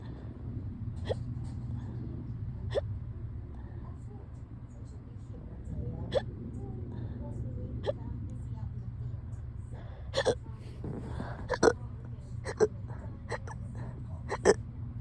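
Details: Fast, tiny hiccups, about ten small sharp ones speeding up toward the end over engine noise as if in a car, in a bout recurring on and off since yesterday, varying from very fast to normal to very loud; hiccups.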